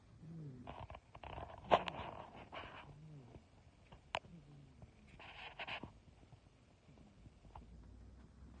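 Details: Sleeping female cat snoring before she wakes up; the recording's sound is partly distorted; snoring.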